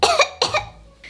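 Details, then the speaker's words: Acted cough: a girl gives two short, forced cough bursts, faking illness to skip school. "Мам я заболела А я тебе говорила что не надо допоздна в телефоне сидеть у меня кашель"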